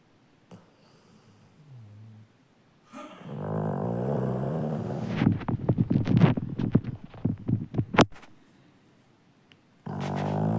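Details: A sleeping Labrador retriever dog gives long, rough, rattling snores with fluttering bursts on each breath; ordinary snoring.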